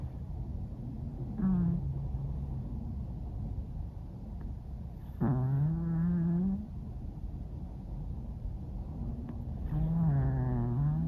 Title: listen to cat snoring and wind blowing